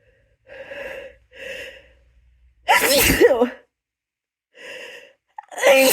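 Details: Two loud, harsh voiced sneezes, each preceded by gasping breaths, deliberately induced by someone with an object in the nose, whose nose is getting stuffy.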